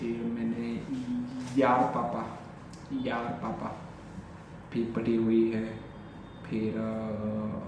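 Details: Adult male with stammering since childhood, speaking spontaneously in Hindi during a daily stammering-practice session (day 45); repetitions of words and phrases; stuttering.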